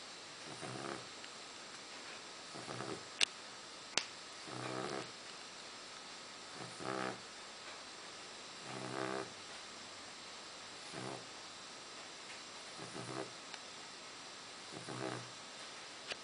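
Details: An 8-week-old Dogue de Bordeaux puppy snoring in its sleep. Soft, rattling snores come about every two seconds, roughly 30 a minute, over a faint steady hum.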